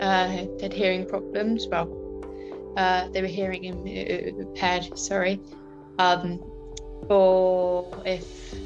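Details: Woman with a stammer since about age five, with filled pauses and repetitions; stammering.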